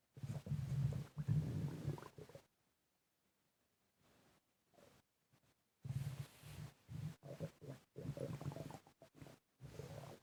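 Low, rumbling gurgles come in irregular bursts with quiet gaps, mixed with heavy breathing; ordinary active bowel sounds.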